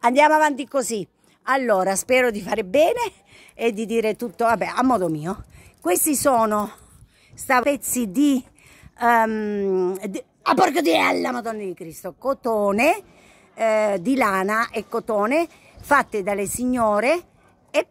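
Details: Female vlogger with Tourette syndrome, with a profane involuntary vocal tic (coprolalia) interjected into her speech.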